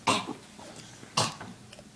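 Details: Coughing at dinner, done on request: two short, sharp, slightly harsh coughs about a second apart, with faint room noise; a plain cough.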